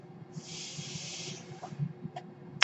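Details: Breath cycle of the speaker's own home mechanical ventilator, audible in the background while they talk.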